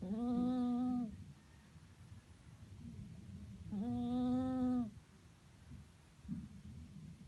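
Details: Snoring in a sleeping flat-faced (peak-nose) cat: two long, tonal, humming snores a few seconds apart with quiet breathing between, from a narrowed upper airway.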